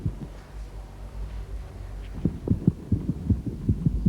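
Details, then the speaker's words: Normal heart sounds of Amber, a 2.5 kg puppy, heard by stethoscope just behind the elbow during a vet check: rapid soft regular thumping, about 150–160 a minute, described as "bum bum bum bum," over a low hum. "Can you hear it? What does it sound like? It sounds like it's going bum bum bum bum."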